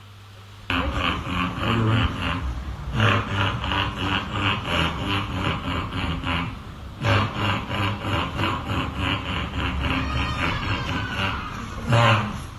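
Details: A girl with a 3-month chronic cough that failed inhaled and oral steroids gives runs of rapid, rhythmic, harsh cough-like throat sounds in bursts with brief pauses; a cough-like vocal tic of Tourette syndrome, not a true cough.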